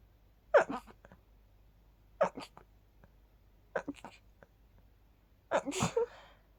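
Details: Sneezing after sleeping with the window open, attributed to pollen: four sneezes in a row, each a sharp intake followed by an explosive burst, the last the strongest.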